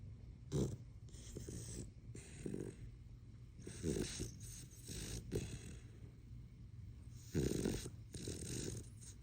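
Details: A sleeping male dog gives deep, rough snores with snorting bursts on each breath, about three to four breath cycles over nine seconds; loud snoring.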